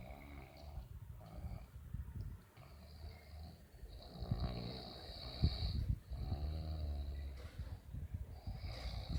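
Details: 20-year-old Vietnamese person snoring loudly: deep rattling snores on breathing in, uneven timing, roughly a dozen breaths a minute, faint high room hum; snoring.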